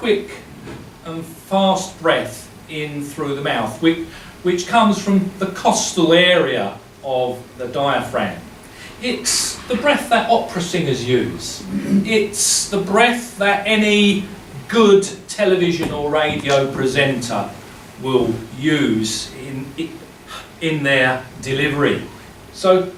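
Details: Adult male who has stammered since primary school, severely enough to control his life by his mid-40s; now uses a breathing technique and still stammers daily, though much less; stuttering.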